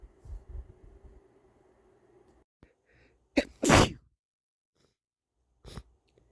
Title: Stuffy wet sneezes (m)